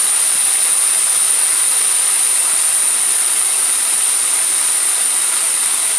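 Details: Home liquid oxygen demonstration fill: steady loud hiss of gas venting while a portable unit fills from its base unit (C41/C1000) with the open tab held down.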